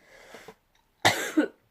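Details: Person who has been very ill and is still unwell: a faint breathy sound, then one forceful harsh cough with a second burst at its end.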